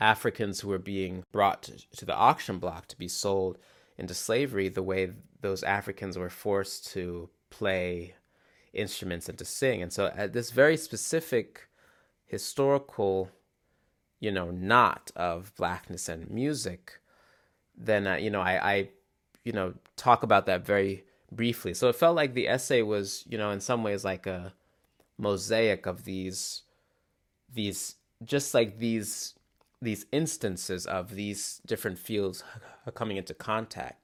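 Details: Adult man who stutters, describing mainly glottal blocks (often silent) as well as repetitions; stuttering in an interview; stuttering.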